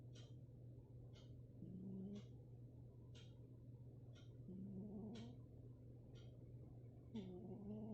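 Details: Sleeping cat snoring: a soft, rising snore with each breath at about 22 breaths/min, over a steady hum and regular ticking.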